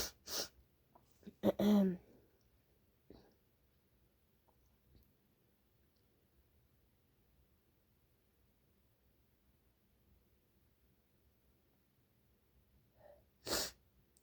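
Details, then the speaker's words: Person who has been sneezing all day, about 50 times, at about 5 a.m., and suspects allergies or a cold: several strong, sharp, explosive sneezes separated by quiet pauses and soft breaths, in a quiet room. "I um and I sneeze a lot in a day usually if I try to myself sneeze I I just I can't sneeze but today it's been like Lush like wow gosh my sneezes to happen so strong I don't know why"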